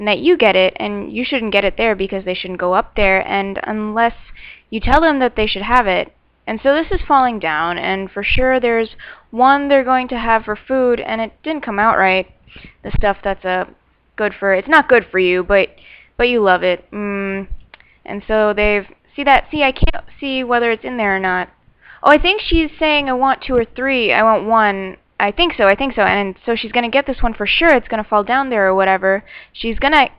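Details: Adult patient describing a picture; Fluent aphasia.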